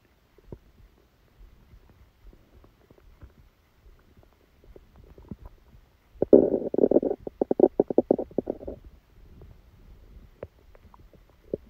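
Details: Borborygmi: quiet background, then a loud gurgling, bubbling rumble of about two and a half seconds, recorded while sleeping with a stomachache that began after Christmas dinner.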